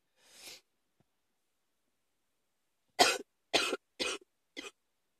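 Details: A quick breath in, then a pause and a run of four sharp coughs close together, described as coming on quickly; cough.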